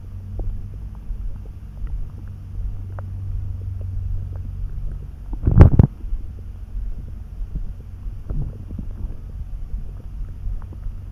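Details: Borborygmi that came on suddenly, neither hungry nor too full, felt in the pit of the gut and easing after a snack: deep low rumbling throughout, with one sudden loud gurgle near the middle; ordinary stomach rumbling.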